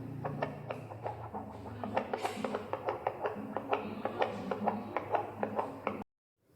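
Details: Bistos Hi-bebe BT-200 handheld fetal Doppler demonstrating its output sound just after switching on: rhythmic whooshing pulses at about 128 a minute from the built-in speaker, over low static hum.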